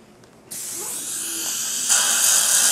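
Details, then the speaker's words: Steady high-pitched drill whine with water-spray hiss as a 3.3 mm diameter implant twist drill cuts during live dental implant surgery, widening the osteotomy; dental implant twist drill. "And you can see that cuts very, very cleanly. And we can show you that 3.3 is a little bit wider diameter."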